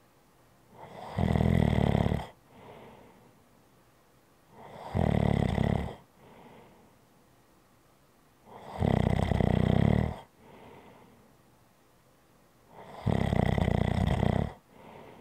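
Four loud, rattling snores on the in-breath with soft out-breaths between, roughly fifteen breaths a minute, typical snoring.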